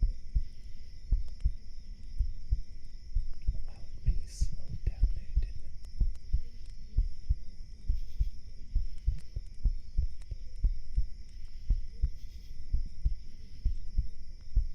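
Steady low thumps of a heartbeat, about 90 a minute, with faint room hum; a regular, normal-sounding rhythm.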